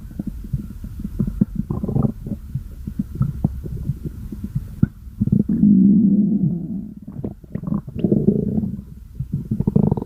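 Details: Stomach growling: long gurgling, rumbling stretches with bubbly pops from gas and fluid moving through the gut.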